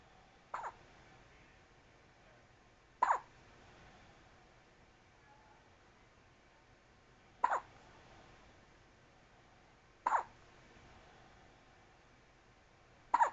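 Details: Newborn baby with hiccups: five sharp, brief hiccups at regular intervals of about two and a half seconds, about 22 a minute, in a quiet room.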